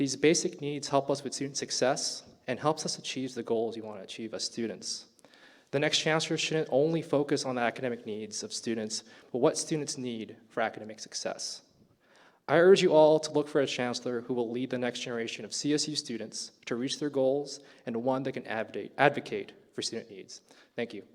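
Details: Adult speaker at a public forum; Normal speech.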